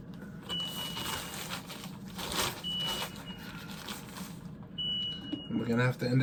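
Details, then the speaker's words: Home haemodialysis session being ended early after repeated high pressure readings (23, 24): repeated single-pitch electronic beeps over room noise and faint voices; dialysis machine alarm. "it's going to alarm again but have to try and move quickly"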